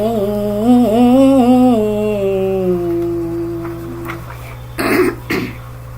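A held sung note fades, then two short, harsh bursts of throat clearing follow over a steady background hum.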